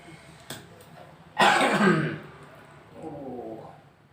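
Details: One loud, harsh cough burst with room noise and a faint voice afterward, during a traditional therapy session for a patient with a chronic cough.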